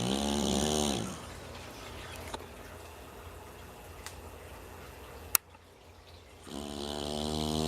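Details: Adopted dog snoring: loud rattling snore on the in-breath, then a quiet pause of several seconds before the next snore.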